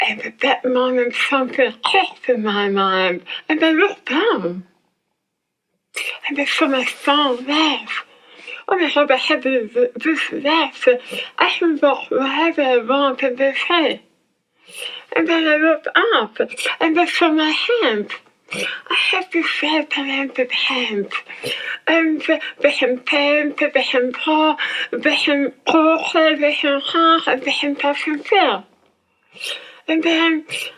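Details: Adult woman whose tongue was removed for squamous cell cancer and reconstructed with abdominal muscle; her speech became hard to understand afterwards; speech impairment after glossectomy.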